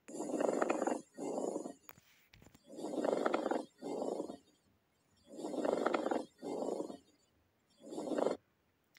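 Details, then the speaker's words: Teaching example, lung auscultation: coarse grating sounds with each breath in and out, likened to two rough sheets of sandpaper rubbing or walking on snow; pleural friction rub. "يبقى البلور الراب عباره عن زي كده ان انت جايب ورقتين خشنين شويه زي الرمل او بتحك في بعض"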